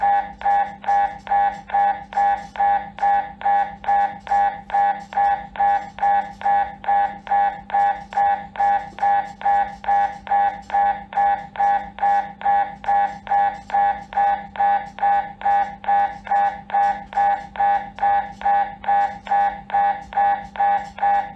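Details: MRI scanner noise: loud, steady, rapid tonal knocking pulses at about 140 a minute, the repetitive buzzing hammer of the scanner during the scan.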